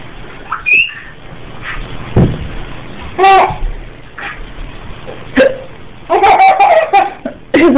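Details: An adult hiccups repeatedly with sharp, abrupt sounds while a 6-month-old baby laughs in high-pitched bursts between them.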